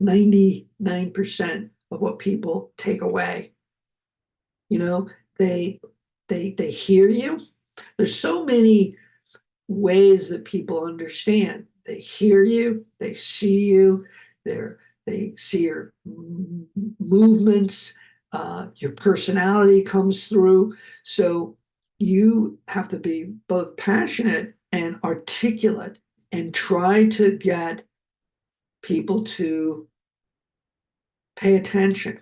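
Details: Adult man, a heart attack and aphasia survivor who keeps working as a producer, speaking with aphasia.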